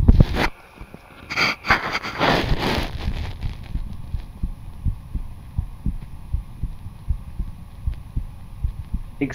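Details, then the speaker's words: Regular, even heartbeats after brief handling noise, recorded by cardiac auscultation with a SKOP stethoscope transmitted remotely over Zoom; the patient is judged healthy: normal heart sounds with a steady rhythm. "voilà on entend super bien c'est vrai voilà docteur merci beaucoup on entend super bien excellent il est en bonne santé"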